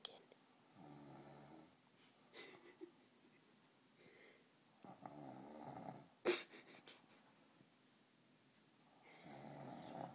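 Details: Person sleeping in a quiet room: soft, rattling snores recurring with each breath about every three to four seconds, with one brief sharp noise midway; snoring.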